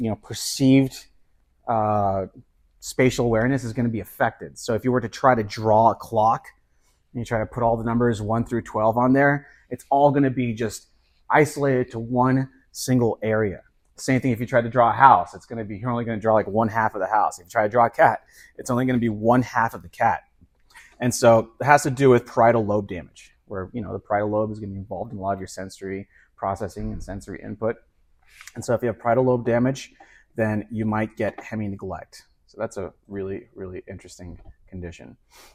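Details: Adult male lecturer; normal speech.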